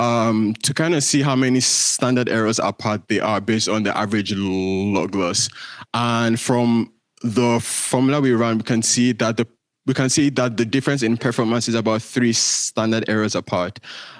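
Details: Real stuttering in a male presenter giving a conference talk, who says his speech impediment shows as repetitions, prolongations or blockages and that listeners will hear much of it; stuttering.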